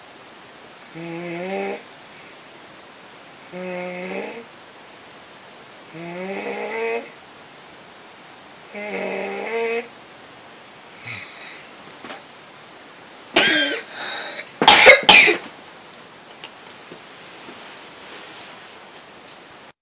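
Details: Inspiratory stridor in a tired child with respiratory distress on oxygen, with sternal recession and slight tracheal tug.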